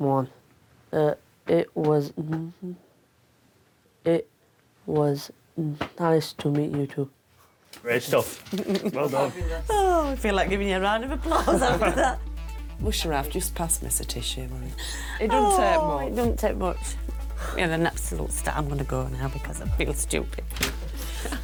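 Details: Year 11 male student with severe stammer since childhood, possibly worsened by anxiety about leaving school, answering a question in an English lesson ahead of his GCSE speaking exam; stuttering.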